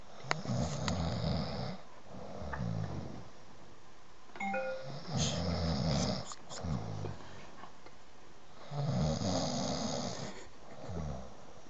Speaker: Nigga, I got you on camera snoring.